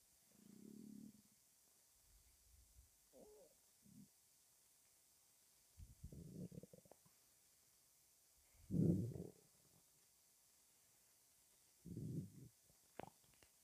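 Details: Stomach after 23 hours of fasting: quiet, low gurgling and rumbling bursts coming and going over several seconds. Hunger borborygmi.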